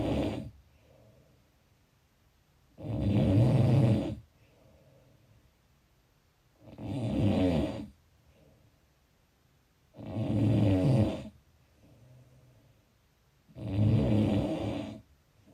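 Four loud, rattling snores on inhaling, about 17 a minute, with quiet breathing out between them: steady snoring.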